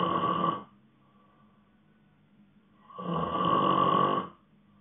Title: Snoring sleep ASMR